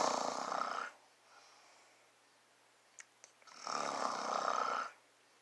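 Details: Adult man (father) sleeping, recorded up close to his face: two long, rough snoring breaths separated by a quiet exhale. Snoring.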